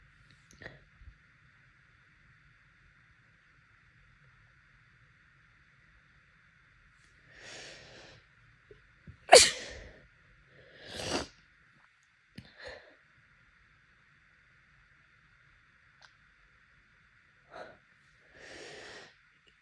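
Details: Seasonal pollen allergy with bloodshot, swollen eyes and a very wet, congested nose: several wet, congested sneezes with sniffing and nose blowing between them. Allergic sneezing.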